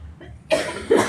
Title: PUN GAYA BATUK #lifeisbutadream #lucu #jalanyangjauhjanganlupapulang #cutebaby